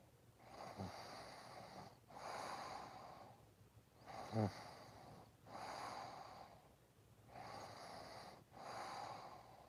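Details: Sleeping snorer: slow, rhythmic noisy breaths with rough, snorting inhalations about every three seconds, roughly 20 a minute.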